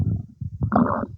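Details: Bowel sounds (borborygmi) some time after eating cake: brief gurgling, bubbling abdominal rumble of normal digestion.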